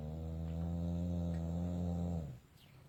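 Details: Pitbull/boxer mix dog asleep: one long, deep, rumbling snore, steady for about two seconds before fading out; snoring.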